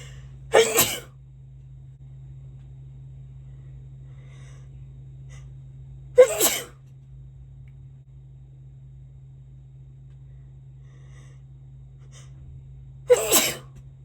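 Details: Three separate sharp, forceful sneezes spaced several seconds apart in a quiet room; ordinary sneezing.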